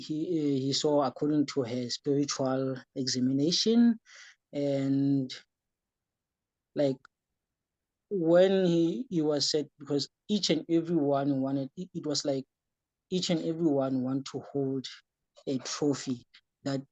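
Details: Young man with epilepsy who says he developed stuttering during the course of his epilepsy and sometimes stutters when talking; stuttering.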